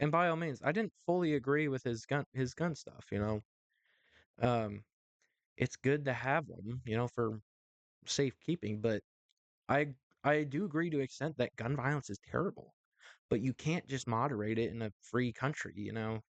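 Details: Adult male host who says his stuttering is worse when talking in front of a camera or to someone important; repetitions are audible; stuttering.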